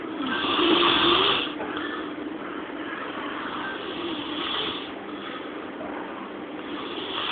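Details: Sleeping man snoring very loudly: continuous harsh, rasping snore with a rattling, buzzing quality that swells and fades, recorded with a thin, muffled sound; snoring.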